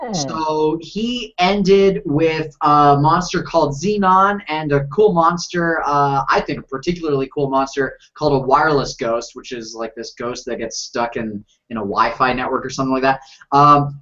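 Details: Adult male speaker; ordinary speech.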